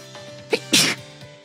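A quick inward catch, then a loud hissing sneeze burst over soft background music; a single ordinary sneeze.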